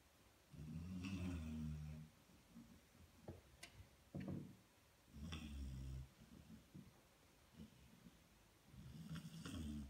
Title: Snoring Loudly